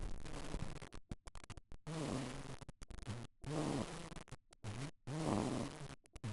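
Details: Snoring in a sleeping baby boy, recorded with a microphone placed beside him: three low, rough, rattling breaths recurring every couple of seconds over faint room noise.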